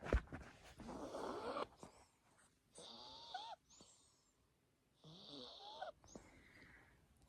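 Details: A female snoring in the background at home while a woman talks; snoring described as the constant soundtrack of her life.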